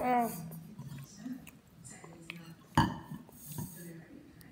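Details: A person eating Oreos burps: a short, low guttural burp amid eating sounds, clinking dishes and talk, an ordinary belch.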